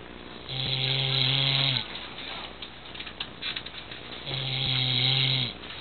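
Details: Two loud, low, buzzing snores on the breath in, separated by quieter breathing; an adult man (dad) snoring while sleeping sitting up during the day.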